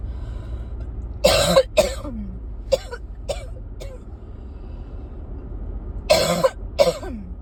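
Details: Persistent cough the person cannot shake: two clusters of short, dry coughs and throat-clearing over steady traffic noise.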